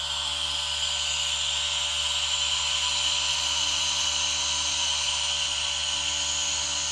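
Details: Steady airy hiss with a faint hum of a nebulizer running alongside a misting humidifier, recorded as a relaxation sound.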